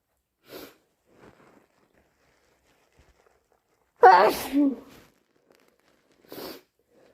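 Quiet breaths build to one forceful sneeze midway, followed by a soft breathy exhale; a single hay fever sneeze.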